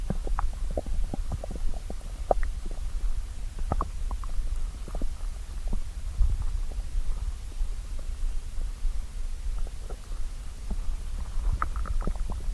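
Low rumbling with scattered gurgles and pops: ordinary stomach growling from hunger.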